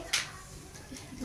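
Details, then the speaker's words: Normal resonant percussion note, loud and clear, from a single crisp tap over the intercostal spaces of a child's chest during a physical examination; the note carries well because the body is small. "Suara perkusi normal apa? Resonans ya, sama polanya seperti yang sudah. Nah, tuh resonans tuh nyaring ya."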